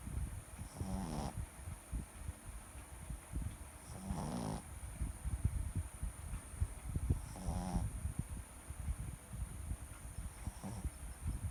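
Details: Sleeping Shih Tzu dog: soft snoring breaths about every three seconds, roughly 20 a minute, over steady low room rumble; snoring.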